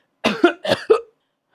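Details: Cough from an adult woman who reports persistent, continuous coughing and breathlessness.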